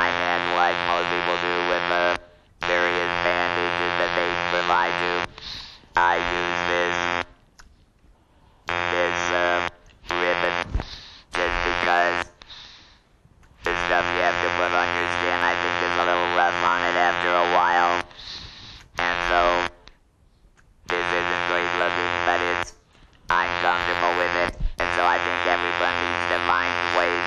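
Mechanical, steady-pitched buzzing voice switching on and off in phrases, typical of electrolarynx speech after laryngectomy.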